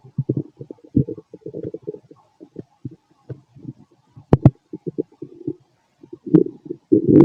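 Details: Fit adult male, stomach and bowel sounds after a bowel movement: frequent gurgling and bubbling bursts with a couple of sharp pops, quiet between; normal active borborygmi.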